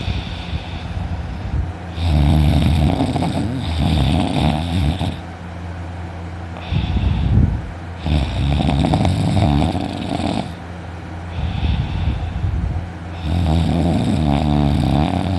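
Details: Adult's heavy snoring while sleeping in one morning: loud, rumbling, rattly snores on each breath in with quieter breaths out; the snorer reports a very sore throat afterwards.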